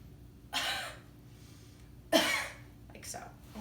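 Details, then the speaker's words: Demonstrated splinted cough, as taught for pain from an incision or fractured rib with hands or pillow over the site: two breathy, moderate held-back coughs and a lighter third. "ugh one thing that you can kind of help believe you at that pain is just called splinting so having to put their hands over the incision or the fractured rib or something and have them cough with that"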